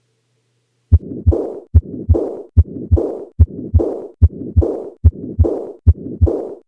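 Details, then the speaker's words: Combined aortic stenosis and aortic regurgitation: two murmurs superimposed, filling both systole and diastole and mimicking a continuous murmur. Regular rate near 73 a minute; the diastolic component is slightly louder here. "this is an example of two murmurs superimposed on one another"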